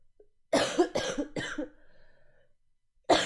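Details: Coughing from a streamer who is sick with a sore throat: a run of three quick harsh coughs, then a fourth after a pause, in a quiet room.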